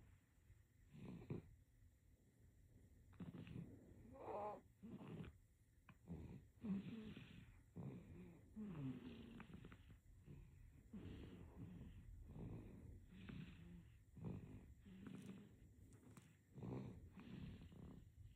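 Quick, soft, snuffly snores, about twelve in eighteen seconds, some with a faint rattle. Infant snoring during sleep.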